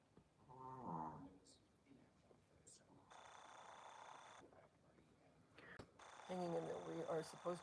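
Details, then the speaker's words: Sleeping dog with its head hanging over a chair, which owner links to her neck position, snoring often when asleep: rough, partly tonal throat snores and noisy breaths against faint room noise. "she's like snoring all the time when she's sleeping"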